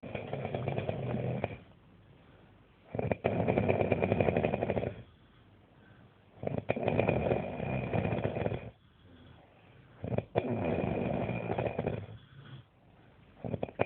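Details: Two people snoring: loud, rough, rumbling snores recurring about every three and a half seconds, about 17 breaths a minute; heavy snoring.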